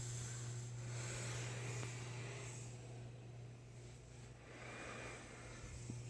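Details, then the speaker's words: CPAP machine used for sleep apnea by an adult who breathes through the mouth, with the mask worn on the face: steady soft rushing airflow over a low hum, quiet CPAP airflow while the mask seals. "so that's the mask that's as loud as it gets when I have it on uh when it's on it makes a good seal around my face and so it doesn't make a whole lot of noise"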